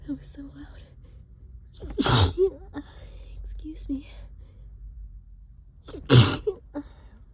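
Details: Allergic sneezing fit that happens whenever the trap is cleaned: two loud, wet sneezes with quick breaths between, during prolonged repeated sneezing that lasted about another half hour.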